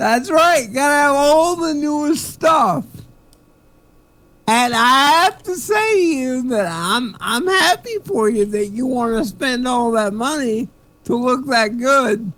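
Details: Male comedian who attributes his speech to cerebral palsy; dysarthria (cerebral palsy).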